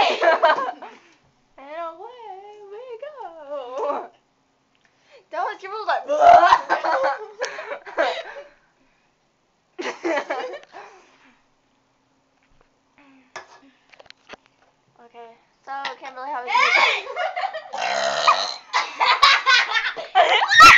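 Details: Girl burping after drinking soda: drawn-out, wavering voiced belches mixed with laughter and talk; burping.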